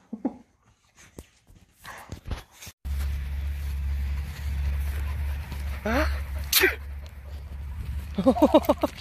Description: My dog Poppy goes crazy when I sneeze!